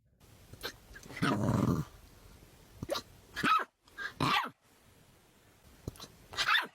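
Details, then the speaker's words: Puppy with hiccups: brief, abrupt hiccup sounds mixed with soft whining and grumbling in a quiet room. "Do you have the hiccups? Oh, you got the hiccups? Yeah, you got your hiccups."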